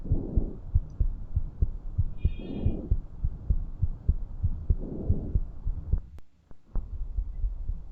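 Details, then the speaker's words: Normal vesicular breath sounds on lung auscultation: soft, low-frequency, low-intensity rustling heard during inspiration and early expiration. "Murmullo vesicular. Audible durante la inspiración y al comienzo de la fase expiratoria, sonido de baja frecuencia e intensidad y de percepción agradable. Son ruidos pulmonares normales."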